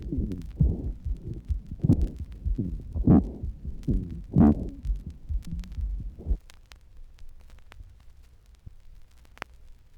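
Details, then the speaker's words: Bronchial asthma recording: sibilant rhonchi (wheezes) heard on inspiration. "note the sibilant rhonchi on inspiration"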